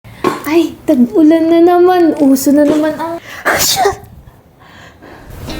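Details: Sneezing: sharp bursts of sneezing with a drawn-out voiced sound between them, in a small room.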